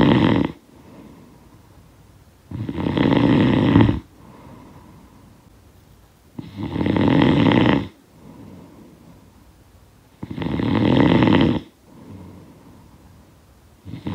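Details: Snoring sound effect of a sleeper: steady, loud, rough snores about every four seconds, around 15 breaths a minute, with softer exhalations; snoring.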